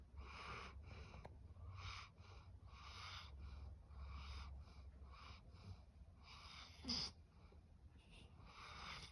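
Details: Goldendoodle dog asleep: repeated hissy, snuffly breaths with a low rumble beneath, about one per second; dog snoring.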